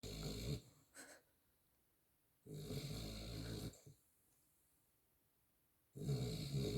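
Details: A sleeping miniature schnauzer gives loud, rough rattling snores, each lasting about a second, separated by quiet pauses, roughly 18 breaths a minute: snoring.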